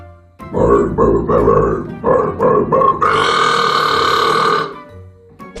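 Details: Repeated burping: a run of short, croaky burps, then one long drawn-out burp, with background music.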